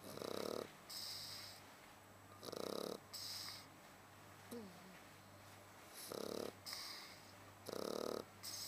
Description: SHAR PEI SLEEPING AND SNORING